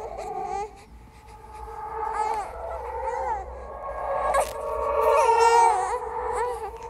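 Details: Horror sound-effect track of a simulated ghost baby: wailing, tearful infant crying with rising and falling pitch over a low hum, created and edited for a horror audiovisual piece; infant cry.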